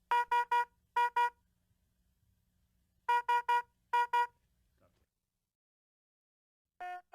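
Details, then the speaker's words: High-priority red patient monitor alarm on an ambulance monitor, warning of a life-threatening condition such as asystole or ventricular fibrillation: fast beeping in groups of three then two, repeated. "a alarm warns of a life-threatening condition such as asystole or ventricular fibrillation the cause of the alarm displays here with a red background and sounds like this"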